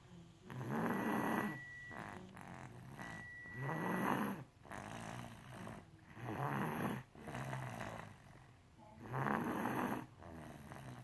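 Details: Rhythmic, rough snoring breaths about 22 a minute, with a faint whistling tone on two early breaths; snoring.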